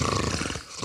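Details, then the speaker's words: Man with obstructive sleep apnoea: breathing resumes after a 35-second pause, with a loud, rough snorting gasp. "35 seconds later, the man starts breathing again."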